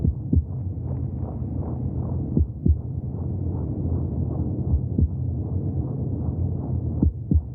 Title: 30 minutes of heartbeat sounds from the womb for welcoming extraterrestrial life